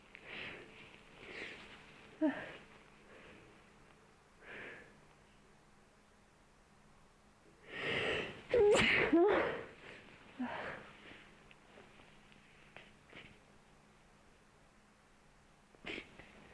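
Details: Several sharp sneezes with sniffing and snorting in between and one loud burst in the middle; repeated sneezing triggered by nose cleaning in an ASMR recording.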